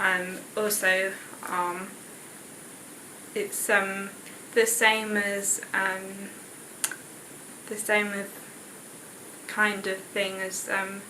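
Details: 19-year-old woman with expressive aphasia after a left-hemisphere stroke the year before, with right-sided pins and needles; halting speech with many fillers and word-finding struggle, comprehension preserved; expressive aphasia (Broca's aphasia).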